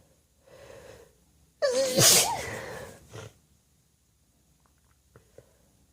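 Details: A drawn-in breath, then one loud, forceful, wet-sounding sneeze with a short follow-up burst in a quiet room: sneeze.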